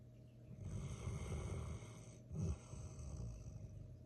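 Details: Sleeping male golden retriever puppy snoring: low, rumbling breathing noises during sleep with a louder snort near the middle.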